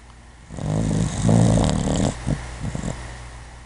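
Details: Sleeping puppy, very sleepy recently, snoring repeatedly: a deep, rumbling snore followed by a few short snorts.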